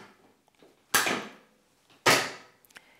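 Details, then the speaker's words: Two sharp, loud clicks, one after the other, as each side of a LUCAS mechanical chest compression device is clicked into its backboard over a patient in cardiac arrest, one side first; the audible click confirms it is secure. "ensure an audible click is heard and check the machine is secure"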